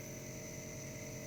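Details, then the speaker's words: Compressor nebulizer switched on in a demonstration: steady mechanical hum and hiss as the compressor forces air under pressure through the tubing to turn the liquid medicine into mist. "यह compressor है। यह हमारी tubing है। इस compressor की वजह से इसमें बहुत ही प्रेशर से हवा जाती है।"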